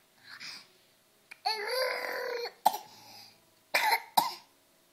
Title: coughing